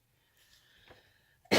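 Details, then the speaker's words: Smoker's cough in an adult during the first days of quitting smoking: a single short, harsh cough bursting out after a faint breath. "your smoker's cough will go away did you hear me just cough that's what that is"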